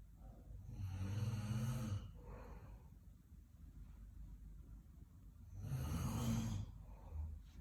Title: Snoring Roommate|(kalayo rman unta sa among bed)